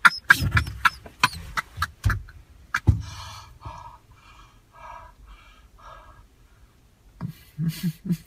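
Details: Pathological laughter of a man with pseudobulbar affect (pseudobulbar syndrome), uncontrollable laughing that appears despite distress, commented on by a psychologist.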